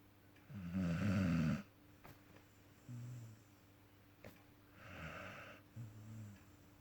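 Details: Repeated snoring: a loud rattling in-breath, then softer snorts and whistling out-breaths, about two breath cycles in seven seconds.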